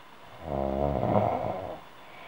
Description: Звук храпа человека (женский), без видео